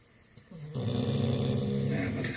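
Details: A steady, rumbling, low growl-like breathing sound that builds and holds; loud snoring.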